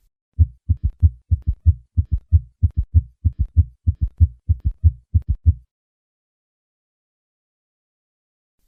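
Regular low-pitched heart sounds at about 95 a minute, each beat carrying an extra dull diastolic sound that gives a galloping rhythm. This is a summation gallop: third and fourth heart sounds fused into one loud filling sound at a fast rate. A voice begins briefly at the end.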